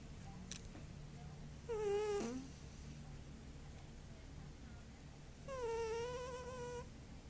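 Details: A cat sleeping gives two loud, squeaky, whistling breath sounds about four seconds apart over low room hum: snoring.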